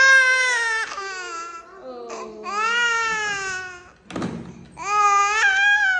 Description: My baby crying after vaccine injection